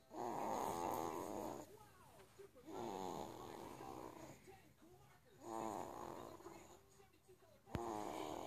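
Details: Young son snoring: loud, rough snores on each inbreath, three in about eight seconds, separated by quieter outbreaths; steady snoring in a sleeping child.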